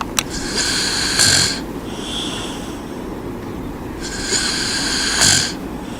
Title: my friend soothing snoring